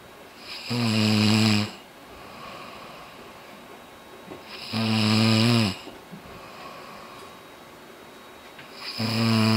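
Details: Ordinary loud snoring: three loud, rumbling, voiced snores on breathing in, about four seconds apart (roughly 15 a minute), with quiet breathing between.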